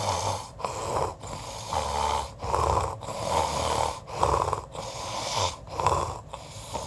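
Loud rattling snores with each breath, roughly 18 breath cycles a minute; snoring.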